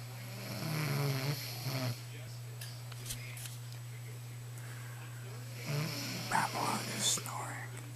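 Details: A child's mother snoring: two short bursts of rough, rattly snoring over a steady low hum and whispering, separated by a quiet stretch.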